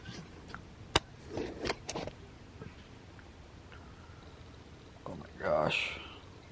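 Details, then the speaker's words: Person with a bad case of hiccups that hurt the chest and head: sudden sharp catches in the breath, a few short hiccup jolts with soft voice sounds amid room and vehicle noise; repeated hiccups. "all right guys I got the serious case of hiccups and it sucks there goes one oh man I can't stand hiccups they really hurt my chest"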